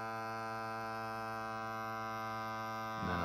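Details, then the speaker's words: Negative pressure wound therapy: portable Prevena wound VAC over a finger skin graft after traumatic finger amputation salvage, dressing shrinking down; steady electric hum changing pitch near the end as suction builds, indicating a good seal. "you listen to the pump [Music] should be I didn't see you so that's good so we know we got a good seal"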